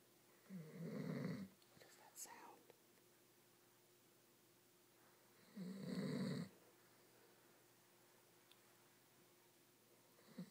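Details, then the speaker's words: Sleeping man snoring: two loud, rough, low inhaled snores about five seconds apart, with quiet room hum between. "Oh no, it's a bear. A snoring bear. Observe him in his encounter."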